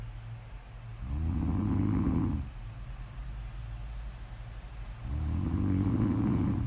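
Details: Snoring audio recording, presented as ASMR: deep, steady snores on each breath in, about 15 a minute, with quiet breathing between; snoring.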